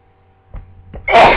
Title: More flu sneezes